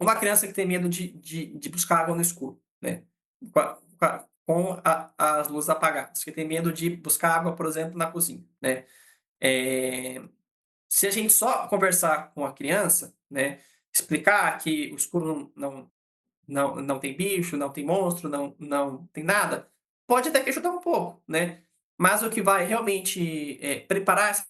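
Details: Adult man, a psychologist who states he himself stutters, speaking Brazilian Portuguese; real stuttering.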